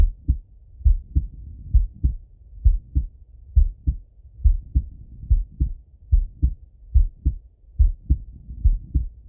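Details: Male heart auscultated with a stethoscope: regular paired lub-dub sounds at about 70 beats a minute; normal adult heart sounds.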